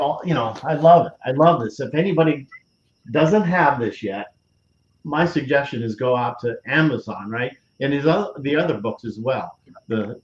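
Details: Adult man with aphasia after a stroke on September 26, 2011 (three strokes in all), about ten years post-onset; he initially could not read, write or speak well, had seven months of speech therapy and an aphasia group, and his speech has since greatly improved; aphasia.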